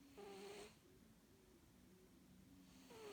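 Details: Snoring during sleep: soft, low rhythmic snores between louder squeaky, whistling noises, possibly from a sleeping cat.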